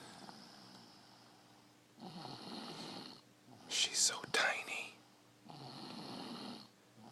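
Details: Soft, airy snoring breaths at a steady pace, with a brief whisper in the middle: a person asleep on the couch, lightly snoring.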